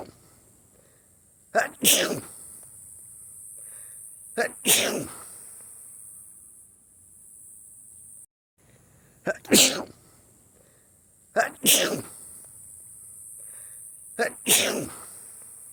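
Five sneezes, each a quick in-breath followed by a loud explosive burst, with steady hiss in the background.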